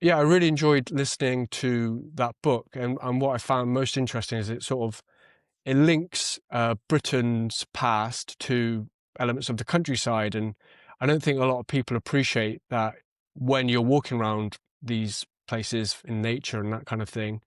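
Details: Adult male speaker; normal speech.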